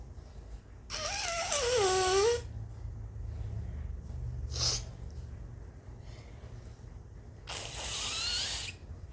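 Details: Sneezing triggered by nose blowing, with a burning nose and then a sore throat: a drawn-out rising 'ah' that breaks into a sneeze burst, then a short sharp expulsion and a further blast; sneezes amid nose blowing.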